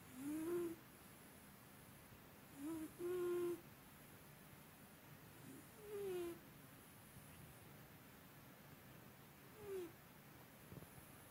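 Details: Snoring in a sleeping cat with a longstanding snoring habit, louder than usual today: soft, squeaky, whistling snores recurring every few seconds over faint hiss.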